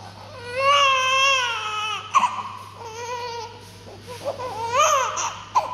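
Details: Newborn baby girl just after a morning birth, after cleaning: strong, clear, high-pitched crying in long wavering bursts with breaths between, a vigorous cry.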